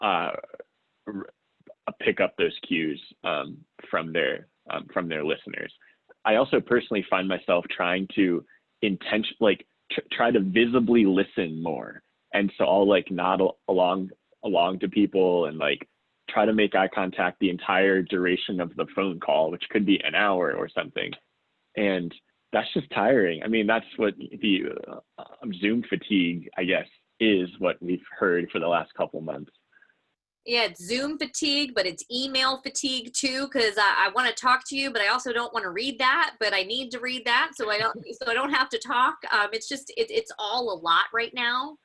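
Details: Adult who self-identifies as a person who stutters, speaking conversationally about their own real stuttering; stuttering.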